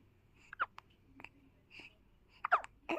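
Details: Young child troubled by hiccups: several short, abrupt vocal catches with small breathy sounds between them in a quiet room.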